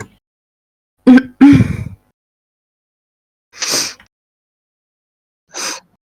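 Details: Woman, former long-term smoker, described as having vaping-linked lung injury (EVALI) with constant congested cough, wheezing and stuffy nose; she thinks she just caught a cold. Two loud, harsh throat-clearing bursts, then two fainter breathy exhalations.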